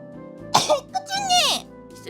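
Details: A single sharp, breathy sneeze from an adult woman, followed by a high, squeaky voiced sound, over background music; sneeze.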